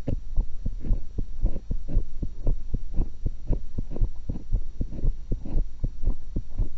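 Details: Own heart recorded through a single stethoscope while eating, after one apple and one cucumber: steady lub-dub heartbeat at about 60 per minute with low background hum; normal heart sounds.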